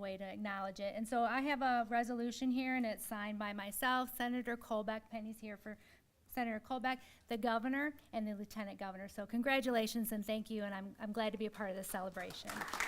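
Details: Adult woman speaking at a public ceremony; Normal adult female speech.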